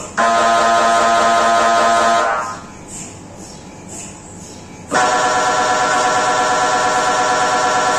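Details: MRI scan noise recorded inside the scan room: loud rapid buzzing and tonal pulsing, a brief quieter stretch, then loud pulsing resumes.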